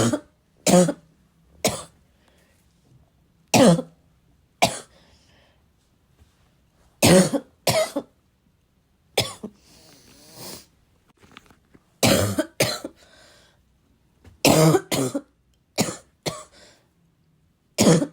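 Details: Self-recorded coughing fit, described as a little wheezy, a little chesty and barking as always: about a dozen harsh, barking coughs in 18 seconds with throat clearing and sniffing; chesty barking cough.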